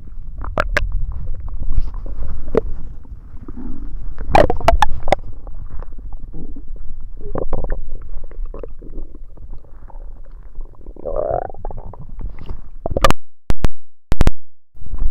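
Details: Loud, irregular low gurgling and rumbling from the belly with a few sharp pops, during a tummy ache; borborygmi.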